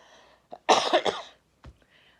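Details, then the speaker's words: Adult woman, a grandmother and lifelong non-smoker who says she must clear her throat all the time: harsh, rough cough burst with throat clearing, like a smoker's cough, in a quiet indoor room. "that sounds like I have a smoker's cough I do not smoke I never have smoked in my life but I remember my grandma always clearing your throat"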